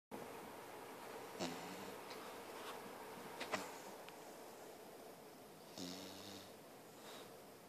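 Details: Snoring: soft, brief snorting snores over steady room hiss, with a few faint sniffs between; light snoring.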